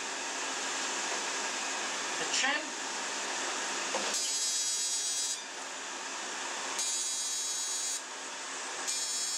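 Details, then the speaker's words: Fractional CO2 laser (DeepFX handpiece) at energy reduced to 15 mJ, treating the nose, forehead and chin of a type IV dark-skinned acne-scar patient: a steady cooling hiss with bursts of high buzzing as the laser fires. "So one shot here immediately the second one and there's no risk to hit the eyes."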